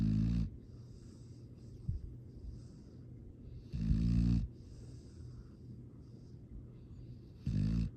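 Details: A foster rescue dog, sleeping peacefully, gives low rumbling snores about every four seconds, roughly 16/min, over steady room hiss. This is ordinary sleep snoring.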